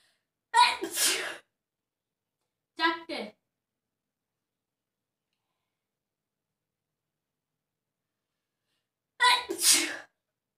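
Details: Three sharp sneezes, each with a brief breathy lead-in and a forceful burst, separated by silence; self-induced sneezing in a sneezing challenge.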